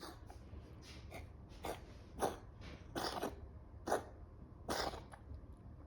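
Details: A dog gives a run of short, harsh coughs at uneven intervals over a few seconds; dog coughing.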